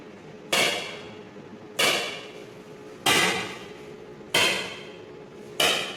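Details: Extracorporeal shock wave lithotripsy (ESWL) of a left kidney stone, targeted by C-arm fluoroscopy through a fluid-filled membrane: fairly regular sharp knocking bursts about 48 a minute, as if something is breaking.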